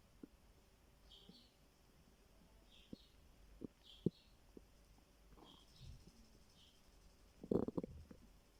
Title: My stomach growling 😂